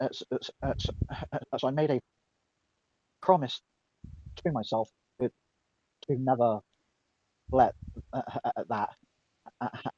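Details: Stuttering in a female speaker who reports being mocked for her stutter; described by others as a speech impediment.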